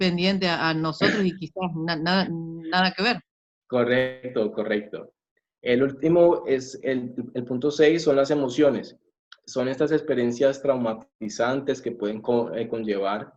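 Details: Adult male from Colombia speaking Spanish who reports that he has stuttering; stuttering.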